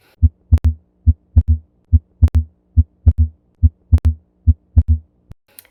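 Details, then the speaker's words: Paediatric cardiology teaching example of widely split S2, which can reflect volume overload or right bundle branch block: regular heartbeat about 71 a minute with a clearly doubled second heart sound. "Abnormal splitting refers to when the S2 sounds are widely split, and that can be reflective of volume overload or electrical delay in a right bundle branch block."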